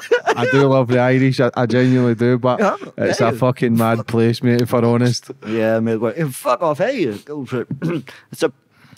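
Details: Adult male speaker; typical speech.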